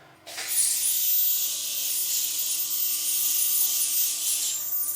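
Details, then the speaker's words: Cavitron ultrasonic dental scaler running on a model of extracted teeth during an aerosol test: steady high-pitched hissing and spraying with a faint constant tone and heavy water spray. "so on to the next test which is the uh the cavitron and i'll just show you that so we get that nice and close you can see hopefully that there's a lot of aerosol being generated here"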